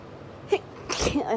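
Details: Hay fever sneeze during high UK pollen count: a short intake sound followed by one forceful, explosive sneeze.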